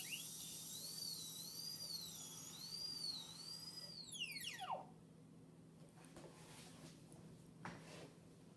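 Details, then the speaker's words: High-pitched whine wavering as the bur cuts, then winding down with falling pitch: high-speed dental handpiece extending a mesial proximal box buccally at a 15-degree bur angle on a typodont tooth. "You basically want to extend until the two walls meet. The walls at both levels meet continuously."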